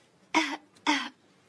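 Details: Adult woman's cough, two coughs, while saying "I can't go out... I'm sick."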